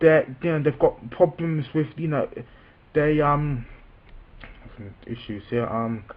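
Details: Adult man with a self-reported stammer, speaking spontaneously. Stuttering.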